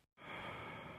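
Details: Patient during a respiratory examination OSCE, asked to take deep breaths in and out with the mouth open for auscultation; deep mouth breathing.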